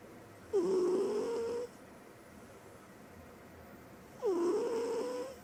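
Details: Female cat sleeping, snoring: two soft, drawn-out snoring breaths about four seconds apart in a quiet room.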